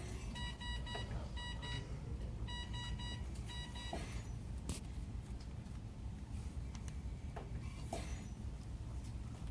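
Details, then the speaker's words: Short bursts of repeated high electronic beeps over loud low machine and room noise: a Galileo ventilator alarm sounding during setup in SCMV mode. "When you're testing, you can't have alarms going off because it won't test properly. Fix what's happening."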